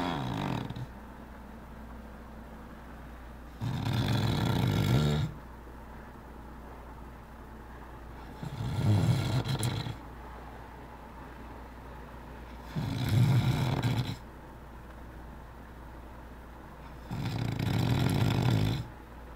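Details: Man snoring while asleep: loud, rough, low snores repeating about every four seconds, roughly 14 a minute, with quiet gaps between.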